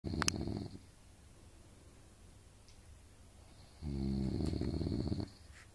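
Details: Two long, loud, rattling snores on the in-breath separated by a quiet pause, recorded from parents (mother and father) sleeping in a shared hotel room; heavy snoring.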